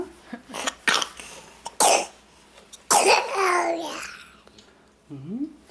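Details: Toddler about 426 days old (~14 months) with a recent cough, taking cough/cold medicine after a pediatric visit: a run of short, harsh coughs followed by a fussy vocal sound.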